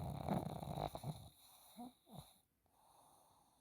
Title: snoring pug #pug #snoring #snoringdog #sleep #belgium